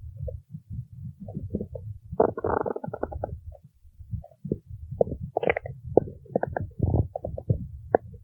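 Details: Irregular low rumbles and gurgles with squeaky, bubbly bursts from a hungry person's stomach; stomach growling (borborygmi).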